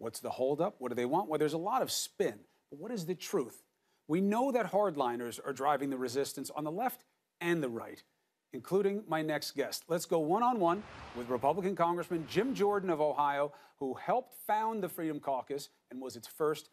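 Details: Adult male news presenter; normal speech.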